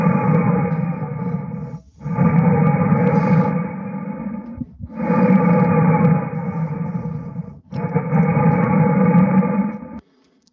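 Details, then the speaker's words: Simulated airflow through a rigid-walled tube model of the upper airway with a 2 mm section: steady rushing airflow bursts with a faint whistle, turbulent flow noise, not snoring. "dans une vf rigide et c'est comme de l'air dans un tube à parois rigide ce ne sont pas des ronflements"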